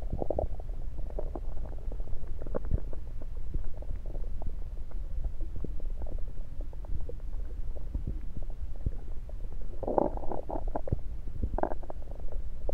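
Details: Normal bowel sounds heard through a stethoscope placed around the belly, recorded mainly to show stethoscope placement: scattered gurgles and clicks over low rumbling, louder bubbly gurgles near the end.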